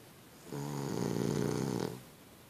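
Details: Boston Terrier dog sleeping soundly on a bed: a single long, rattling inspiratory snore about one and a half seconds, in a quiet room.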